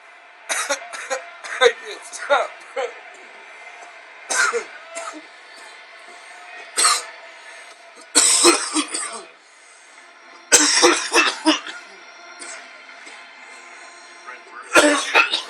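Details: Adult man in a prolonged coughing fit of repeated harsh bursts, with television commentary in the background.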